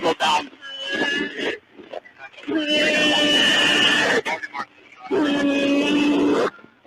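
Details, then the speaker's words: Long, loud groaning gasps with a steady moaning pitch, separated by pauses: agonal respirations in an adult man critically injured after being struck by a vehicle on a highway. "Yeah. That noise. That's the agonal respirations."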